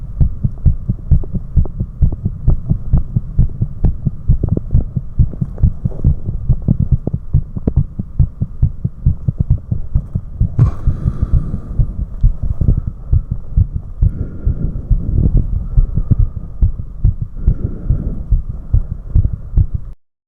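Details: Recorder's own heartbeat recorded after 4 minutes of step-ups: rapid, forceful, regular thumps, a normal racing heart after exercise.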